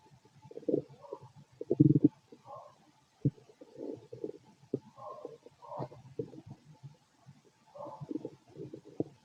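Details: Stethoscope auscultation of the abdomen of a fit adult male: irregular gurgles and low rumbles over about nine seconds, ordinary stomach growling from normal bowel activity.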